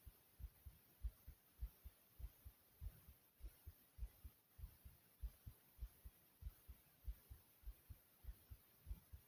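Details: Own heartbeat recorded at a soothing pace: a soft, steady double-thump at roughly 100 beats a minute under a faint hiss.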